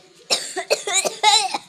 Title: Be coughing